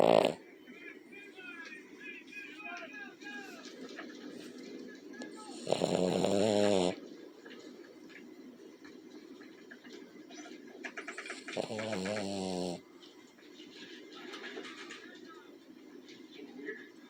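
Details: Dog snoring in sleep: two loud, rough snoring breaths about six seconds apart, with faint whimpering and room noise between them.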